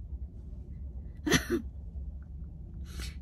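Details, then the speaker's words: Two soft, breathy, airy coughs without a sharp explosive start. Weak cough 3 weeks after total thyroidectomy, with persistent hoarse voice. The surgeon asked for the cough; one vocal fold is not closing, probably from bruising of an intact vocal nerve. "you hear it this i'm not coughing properly so what's happening there is like um one part of my vocal nerves is not closing properly so it's probably because of the bruises"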